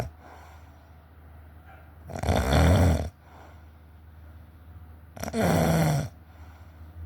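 Two loud, low, rough snores on inhaling, about 20 a minute, with quiet breathing between.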